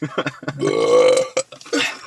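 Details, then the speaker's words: Short throaty sounds into a long, loud, voiced belch, then brief vocal noises, from a man deliberately burping in a car with friends, laughing and saying he may puke: burping. "[Laughter] [ __ ] I'm trying to burp but you guys are making me laugh I think I'm going to puke I'm about to puke too"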